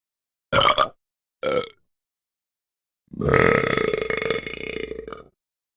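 Two short burps followed by one long, drawn-out rumbling burp; sound-effect recording.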